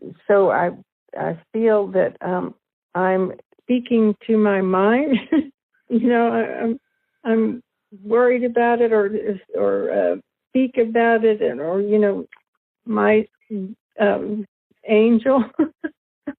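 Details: Adult woman, formerly right-handed, with aphasia from brain damage caused by a stroke four years earlier that also paralysed her right side; aphasia.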